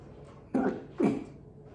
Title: Big hiccups